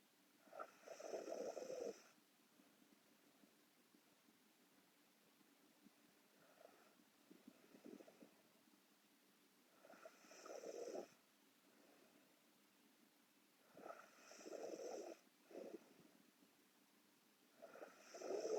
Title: Korean Girl Sleep Snoring (Part 1)